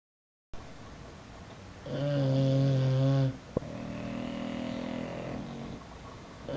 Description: Snoring bulldogs symphony.